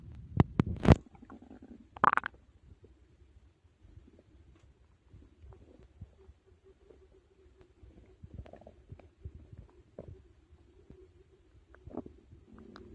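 Gurgling, bubbling rumbles with a few louder bursts early on, over quiet background; ordinary stomach growling of digestion after a large meal.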